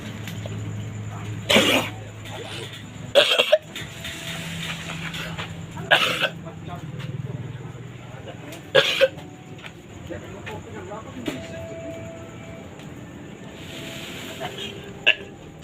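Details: Goat coughing: four or five short, harsh coughs that sound strikingly like a human cough.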